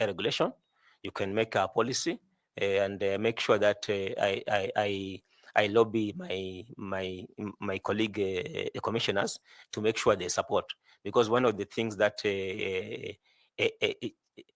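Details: 41-year-old man who says he stammers a lot, with repeated words; stuttering.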